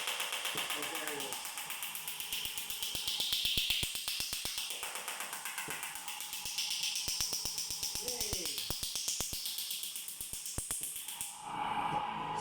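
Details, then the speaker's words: Extracorporeal shockwave therapy machine, used for peripheral neuropathy and plantar fasciitis, switched on and fired: loud, rapid mechanical tapping about four strikes a second over a hissing air compressor. "so i'm going to just turn it on and hear the air compressor going and then once we hit the button you're going to hear how loud it is"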